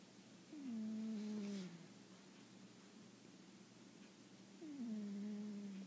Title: My cat snoring